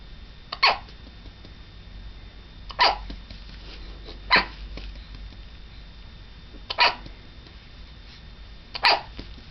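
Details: Baby hiccuping and rooting: five sharp, abrupt hiccups about two seconds apart, roughly 28 a minute, over a steady quiet background hiss.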